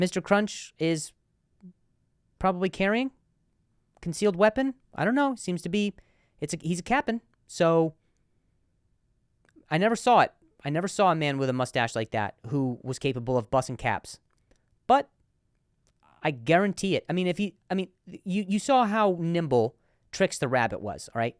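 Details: Male comedian hosting a podcast; repeated words; stuttering.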